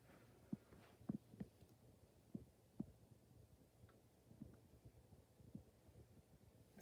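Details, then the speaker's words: Normal heart sounds through a stethoscope (diaphragm, then bell) at the aortic area, second right intercostal space, in a patient lying down during a head-to-toe exam: faint, soft, low thumps, no murmurs, pulse 69. "so next i am going to listen to your heart sounds first with my diaphragm and then my bell to listen for any murmurs"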